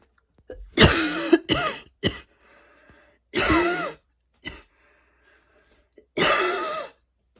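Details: Wheezy coughing fit after a run, with allergies, freshly cut grass outside and fatigue: a long fit with a wheezy sound.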